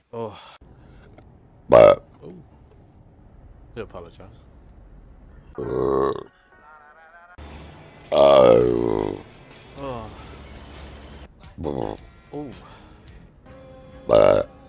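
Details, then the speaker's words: Woman burping during a live stream: a series of loud, drawn-out burps with music and brief voices in the background, followed by her apology for being unladylike. "excuse me sorry this was so unladylike"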